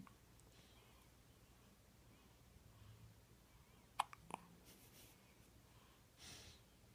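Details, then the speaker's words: Newborn at a 4 am feeding, during first hiccups: quiet room, then a brief sharp burst with a small follow-up and soft breathy sound: sneeze following hiccups. "oh bless you so gross daddy got that all on video hiccups into sneeze"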